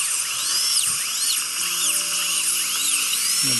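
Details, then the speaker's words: Dental handpiece sectioning an infected wisdom tooth during extraction: continuous high-pitched whine with water spray hiss and faint background music. "now you're gonna feel a little bit of vibration and a lot of water springing just like I said you're gonna trim the tooth a bit like a little baby tooth and pick it out in a couple of pieces"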